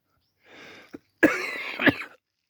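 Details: Adult with a head cold and stuffed-up nose, feeling sick: a noisy breath in then two harsh, rough cough bursts with a little gagging; chesty cough, recorded on a Samsung Galaxy A40 phone.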